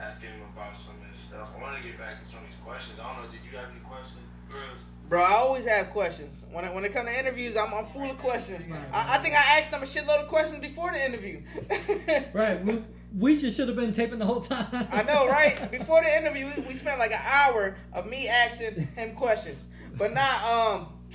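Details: Adult men in conversation; normal speech.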